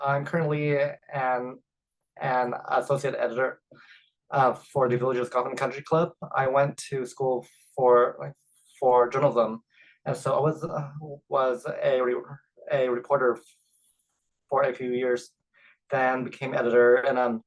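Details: Adult man who identifies as a person who stutters and says his stutter is evident as soon as he speaks; stuttering.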